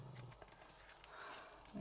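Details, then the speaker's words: Faint low rumbling snoring from a sleeping pet (lady) nearby, under quiet room sounds and crafting talk. "sure we've got that yeah nice and equal if you can hear anything that is lady snoring doing her thing"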